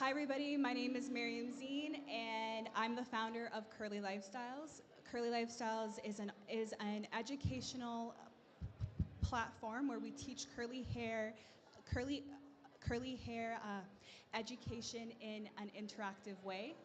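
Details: Adult woman, startup founder, who states she has a stutter, so sound or word repetitions may be heard; finding: stuttering.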